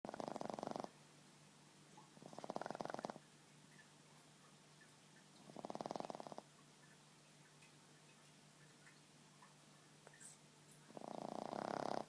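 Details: Boston Terrier asleep on a person's lap, snoring: rattling snores on each breath, about four in twelve seconds with quiet gaps between; snoring in a sleeping flat-faced dog.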